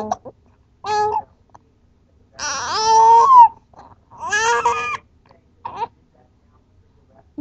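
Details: Six-week-old infant crying, upset by his hiccups: several short and longer wails with clear, tuneful voicing and brief pauses in a quiet room.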